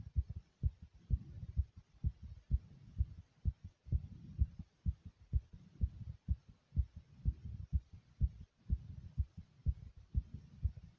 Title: My Powerful Pounding Heartbeat ❤❤